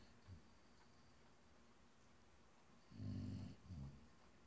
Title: Badger snoring